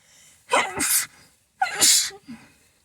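Two forceful sneezes, each a sharp intake followed by an explosive hissing burst through the nose and mouth.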